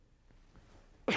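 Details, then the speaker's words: Simulated common-cold cough performed on request as a demonstration: single short, sharp cough after near silence. "would you show us a cough of a cold"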